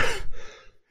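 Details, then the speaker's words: Adult with a persistent cough lasting into its second month, jokingly attributed to "consumption": a single short, forceful cough trailing into a breathy exhale. "I got a cough that won't go away. Oh no. I- It's probably just the consumption. It's been into the second month of this cough."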